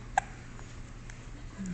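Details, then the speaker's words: Sleepy baby with hiccups again: a single soft, sharp hiccup against quiet room hum. "Hey, sweet baby. You got hiccups? You got hiccups again."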